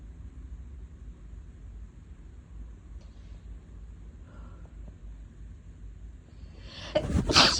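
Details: Person in bed with lingering cold sensitivity: quiet room noise, then a single sharp sneeze near the end; sneeze.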